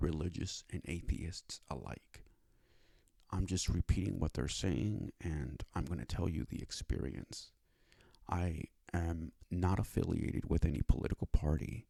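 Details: Adult male with cerebral palsy that he says affects his speech and causes his stuttering, after five years of speech therapy; stuttering (dysfluent speech with cerebral palsy).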